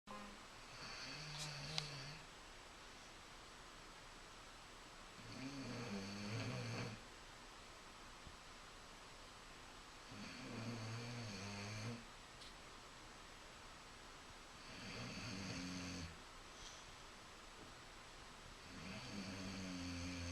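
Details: Kratos, a Bully breed dog, asleep: regular rough, low rattling snorts about 14 breaths a minute with quiet gaps; dog snoring.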